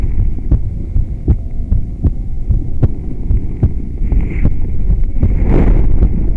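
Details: Soft, regular heart thumps, roughly 75 to 80 a minute, from a stethoscope microphone strapped to the skin of an adult woman during yoga, under hum and movement rustling; normal heart sounds.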